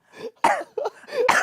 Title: Stray Kids cough